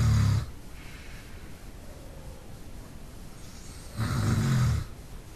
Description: My dad fast asleep and snoring up a storm...note the tail end of a canine alarm session